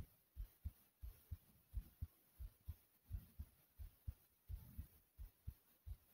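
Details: Heartbeat and breathing after a lot of running in place; clear, regular lub-dub heartbeat at about 85–90 beats a minute with faint breath noise underneath.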